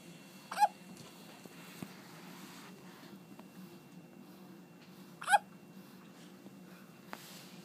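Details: Young child with a recurring bout of hiccups, laughing at times, recorded Sept 17, 2013: two abrupt, sharp hiccups about five seconds apart over quiet room noise.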